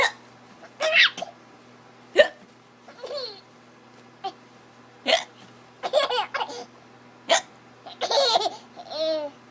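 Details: An infant, described as tired, hiccups about five times in ten seconds, each short sharp hiccup followed by bursts of giggling and laughter.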